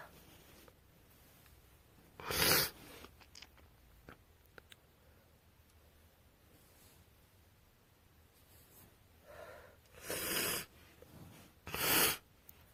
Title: Winter Cold sneezes